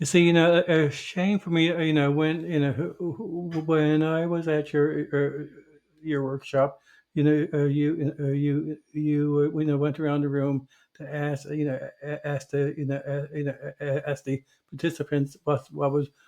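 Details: Adult who stutters, a covert stutterer for many years; stuttering.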